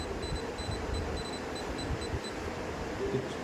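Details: Waldent apex locator during root canal working length measurement, lip hook attached, K-file advanced in canal: repeated short high-pitched beeps over low room noise as the file nears the apex, working length about 22.5 mm.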